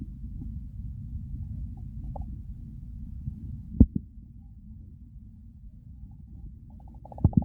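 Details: Real stomach growls recorded during hunger, part of a hunger-to-overfull digestive recording; soft, steady low rumbling with a few brief gurgles and clicks; quiet bowel sounds (borborygmi).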